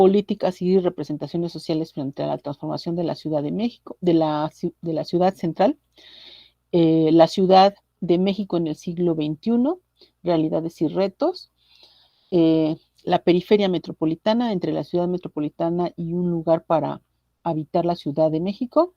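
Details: Adult speaker; normal voice.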